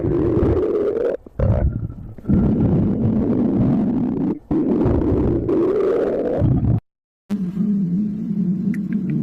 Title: stomach growling